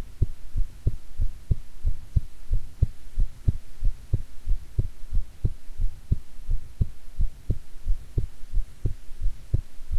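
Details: Self-recorded heartbeat: steady, regular low thumps at about 90 beats a minute with a faint low hum; normal heartbeat.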